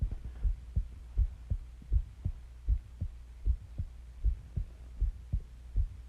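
Steady, paired low lub-dub thumps at about 80 beats a minute over a faint low hum; a normal, regular heartbeat.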